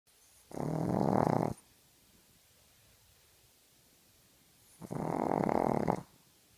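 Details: A sleeping dog snoring: two loud, harsh, rattling snores roughly four seconds apart in a quiet room.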